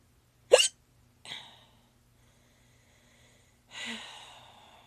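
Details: Three abrupt, voiced catch sounds over about five seconds in a quiet room, with Spanish talk nearby; typical hiccups.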